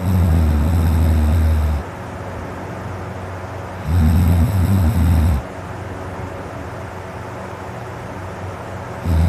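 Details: Adult male snoring with a dry, sore throat before sleep: loud, deep, low rumbling snores on each in-breath, about three in nine seconds, with quiet pauses between.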